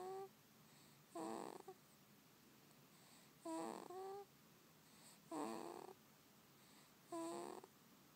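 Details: An infant snoring: four rhythmic snoring breaths at about 30 a minute, each with a buzzing, slightly squeaky tone over quiet room hiss.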